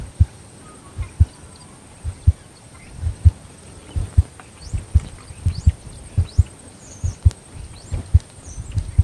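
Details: Recorded heartbeat of a female Border Collie dog calmed into a down position: slow, soft paired heart thumps, roughly 60 beats a minute, with slightly uneven spacing; normal heart sounds at a slow rate.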